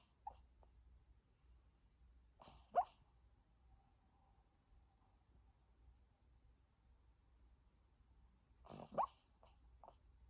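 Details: Sleep vocalization in a sleeping Maltese puppy: a few soft, brief whimpers and yips in a quiet room.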